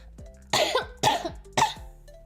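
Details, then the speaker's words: Three harsh coughs in quick succession from an adult woman with a bad cold who was trying to hold the cough in, over faint background music. "아 귀침을 참아야 되는데 못 참. 컵끼침."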